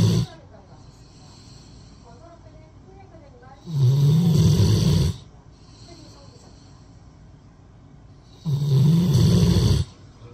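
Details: A Rottweiler dog asleep using a person's arm as a pillow, giving loud, low, rattling snores on inhalation, two breaths about five seconds apart, with quiet breathing between.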